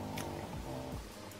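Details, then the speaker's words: Low, rumbling, purr-like rattle with a couple of rising snorts from a pet pug: snoring. "You can probably hear the snoring, that's one of them. That's Maya."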